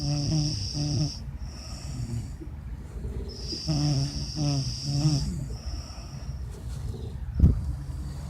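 Loud, rattling, fluttering snores repeat with each breath at about 25 breaths a minute, with a steady hum in the background.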